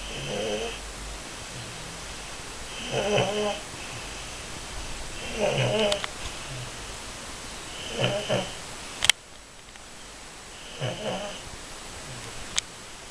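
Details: 8-month-old baby napping, snoring softly and regularly about every two to three seconds with a faint squeaky edge, over steady room hiss.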